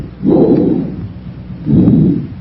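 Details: Loud, harsh, hollow breath sounds with a clear gap between breaths on chest auscultation, first in a comparison of bronchial, bronchovesicular and vesicular sounds: bronchial breath sounds.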